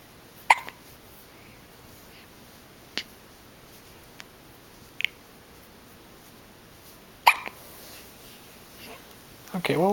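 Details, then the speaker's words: Infant with hiccups, awaiting milk: five brief, sharp, isolated hiccup sounds spaced a few seconds apart in a quiet room, with a soft voice sound at the end. "I have some milk for you as soon as you stop hiccuping. Okay? As soon as you stop hiccuping."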